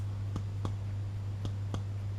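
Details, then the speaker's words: Anterior chest percussion of an adult male by a second-year paramedic student in a respiratory OSCE, at supraclavicular and infraclavicular sites: four brief hollow taps over a low hum, a normal resonant note. "So I'll be listening for um resonance supravicular and infraovvicular."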